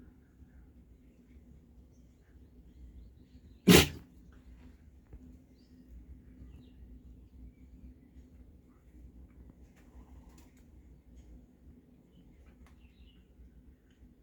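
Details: A single sharp, explosive sneeze from a dog against a quiet room background; sneeze.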